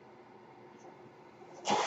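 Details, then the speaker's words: Sound of the podcaster's own mechanical ventilator, audible while he speaks; a mechanical ventilator breath cycle. "my name is that noise you're hearing is my ventilator and welcome page turners that were not my stores podcast"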